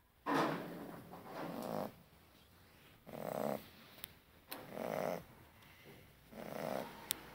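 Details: Snoring from a Cane Corso dog.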